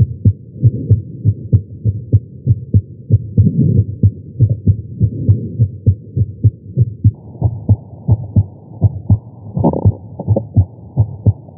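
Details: Heart sounds recorded with a Stemoscope electronic stethoscope at the tricuspid area while lying prone during chest pain: regular low thumps about 95 beats a minute over a steady hum.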